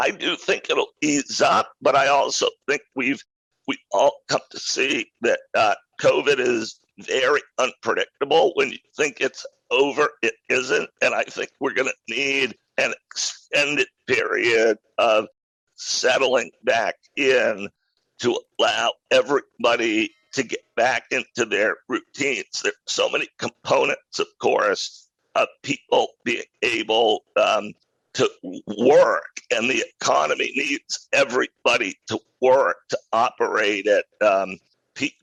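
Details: Adult male who acquired a rare neurological voice disorder in 2012, a roughly 10-year course described as partial voice loss, now speaking without pain; spasmodic dysphonia.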